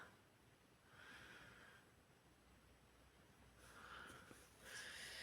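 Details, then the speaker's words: Labrador dog snoring since the morning after her walk: soft, rough, snorting breath noises recur every couple of seconds while she rests, against quiet room noise. "Si vous entendez ronfler, ce n'est pas du tout un carlin ou un... C'est quoi les autres chiens là? Je sais plus comment ça s'appelle. Bulldog, c'est un labrador qui s'appelle Naya. Voilà. Elle ronfle depuis ce matin, depuis sa promenade avec son papy."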